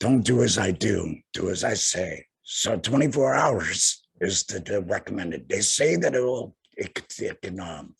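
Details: Adult man about two years after total laryngectomy for head and neck cancer, speaking via tracheoesophageal puncture voice prosthesis while finger-occluding his stoma/HME; tracheoesophageal voice after laryngectomy.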